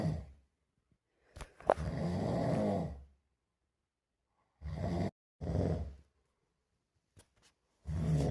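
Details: Heavy snoring at 2 am: loud, rough, vibrating breath sounds, some long and some short, separated by quiet pauses.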